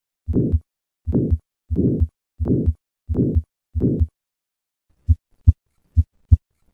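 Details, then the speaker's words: Aortic valve sclerosis murmur, for comparison with an innocent murmur: six regular beats, each with a soft rough murmur filling systole, then briefer beats with less murmur. "listen once again to the murmur of aortic valve sclerosis and compare that to an innocent murmur"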